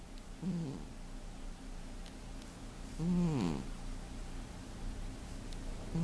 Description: The heavy sleeping cat....he snores everyday. Feb 2015.